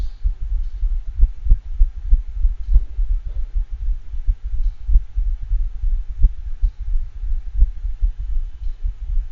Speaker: this second dog that we're going to play next also has atrial fibrillation both of these dogs also have a faint gallop but note the marked irregularity of the heart rhythm